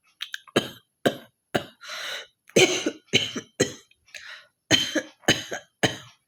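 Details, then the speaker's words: Rapid run of about eleven harsh, throaty coughs and hawking throat-clearing sounds from a woman with a mild cough, performed deliberately for a cough-hawking challenge. "তো একটু ভালো কাশি কাশি হয়েছে, তো চলো ভাবলো কক চ্যালেঞ্জটা করাই যাক। তো হকিং কক চ্যালেঞ্জ করবো আজ।"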